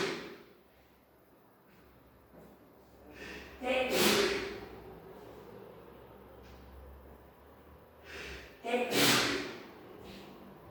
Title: Today 10 sneezes in a row (M)